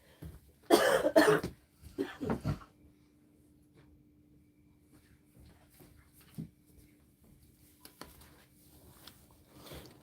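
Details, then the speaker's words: In a woman with bronchitis, a coughing fit of about five harsh, loud coughs in quick succession is followed by quiet with a faint room hum; a bronchitis cough. "I get a big coughing fit."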